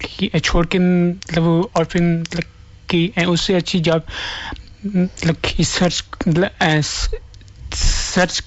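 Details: Stuttering in a man who stammers.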